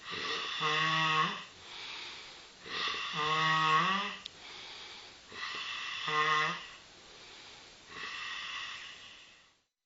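Loud, buzzing, tonal snores on each breath in, about 22 a minute, with softer breaths out between them; snoring.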